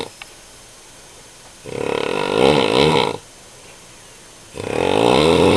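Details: A father snoring: loud, harsh, fluttering snores on the inward breath, separated by quiet pauses.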